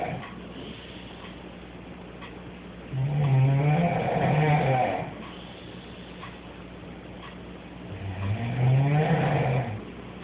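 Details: Girl snoring loudly in the middle of the night, sheep-like: two long, rattling, bleating snores about five seconds apart, roughly 12 a minute, with quiet breathing between.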